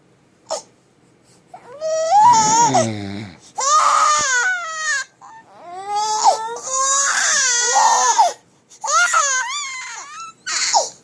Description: Our twins got scatted and started crying because of daddy snoring!